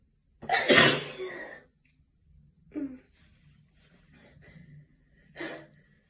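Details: Allergy-related sneezing from a tired person: a loud sneeze, then quieter sniffing and a second, softer sneeze-like burst, muffled into a tissue.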